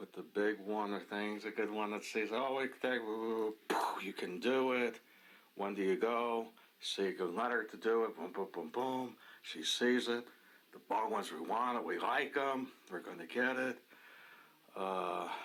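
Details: Adult man with Wernicke's (fluent) aphasia, with impaired comprehension and repetition and little awareness of his deficits; Wernicke's aphasia.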